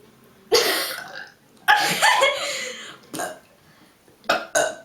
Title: Girl Burp Contest